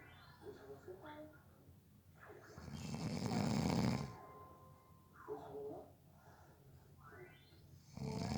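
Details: Snoring during a nap, from someone said to have fallen asleep within 30 seconds: loud, rough snoring with repeated throaty rattles on sleep breaths, against some room noise.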